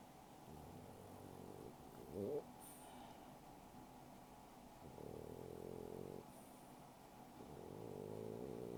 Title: The Snoring Frenchie: Sweet Dreams in Action!" 🐕💤